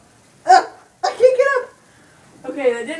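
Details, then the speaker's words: Person with ongoing hiccups after a failed upside-down water-holding remedy: three short, abrupt voiced catches with a sharp onset, in a small room. "work because I started choking and got water everywhere well it didn't work for me I still have the hiccups"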